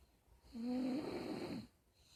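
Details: Snoring: a single rumbling snore lasting about a second in a quiet room.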